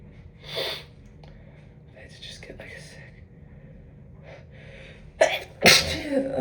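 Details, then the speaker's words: Induced sneezing during a cold with possible allergies: soft sniffs and quiet inhaling build-ups, then two sharp explosive sneezes in quick succession, part of repeated sneezing brought on with a tissue. "I just sneezed like a triple, too. God."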